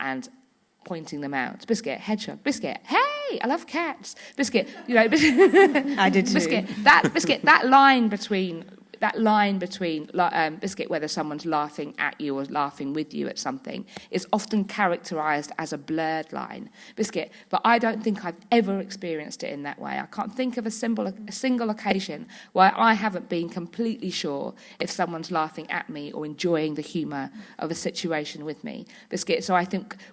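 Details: Adult woman with Tourette syndrome producing vocal tics (repeated interjected words) during speech in a relaxed panel discussion. Several times a day her tics intensify until she loses control of her body and speech.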